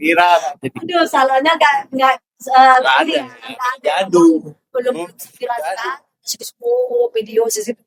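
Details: Deaf child who uses a cochlear implant, speaking; speech of a deaf child with a cochlear implant.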